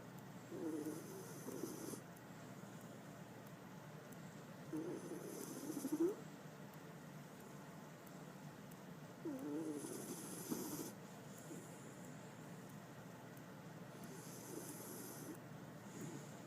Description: My jack Russell terrier zonked out in my arms and snoring.